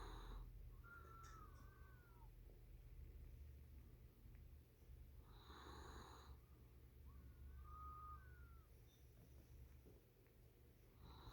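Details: Puppy snoring with whistling: soft rhythmic breathing with a faint high whistle on alternate breaths and low snuffling, over steady room hum.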